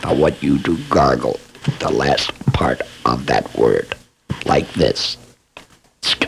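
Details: Esophageal speech by a laryngectomee who is also a speech pathologist, demonstrating esophageal voice production for training after laryngectomy.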